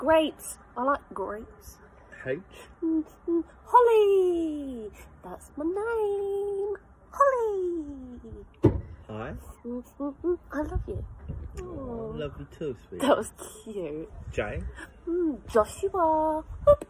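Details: 22-year-old woman with Tourette syndrome, recorded before formal diagnosis, producing uncontrollable vocal tics triggered by letters spoken by her partner during the alphabet challenge; vocal tics (Tourette syndrome).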